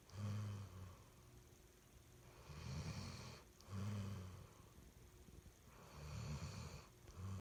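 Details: Sleeping on a bed, low rumbling snores on each breath with quieter breathing between, about 17 breaths a minute; ordinary snoring.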